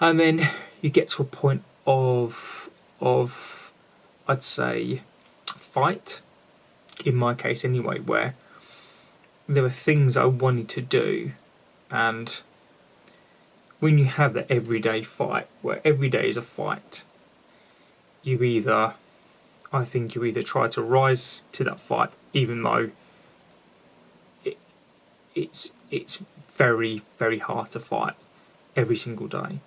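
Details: An adult man with a lifelong stammer, with repetitions heard; finding: stuttering (stammering).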